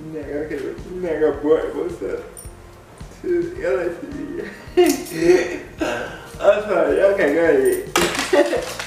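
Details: Adult man with cerebral palsy speaking in a video blog; dysarthric speech (cerebral palsy).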